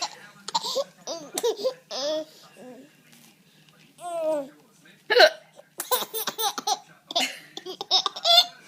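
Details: Adult hiccuping while a baby chuckles at each hiccup: baby laughter mixed with short, sharp catching sounds; hiccups.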